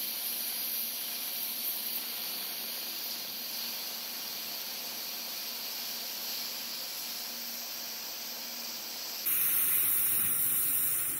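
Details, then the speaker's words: Adult dental hygienist receiving a teeth cleaning in the dental chair after X-rays, first in a while: steady high hissing water spray from the dental scaler, louder and sharper near the end. "okay getting my teeth cleaned now it feels so weird being in the chair"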